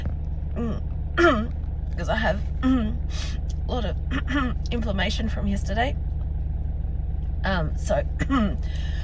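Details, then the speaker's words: Adult with asthma and no chest infection ("dry" asthma), recorded in a car while breathing deeply: clear whistling wheezes with gliding pitches mixed with short dry coughs over car rumble; expiratory wheeze with dry cough. "um that is what it sounds like for me today with um what I would call my my dry cough that's um that's a cough without deep infection or anything in in my chest"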